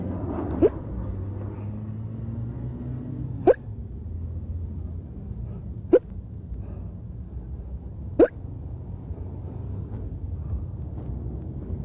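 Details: Man on a hidden-camera TV comedy prank, with an attack of hiccups and asking for a shock to cure them: brief, abrupt hiccup clicks every few seconds over low rumbling background.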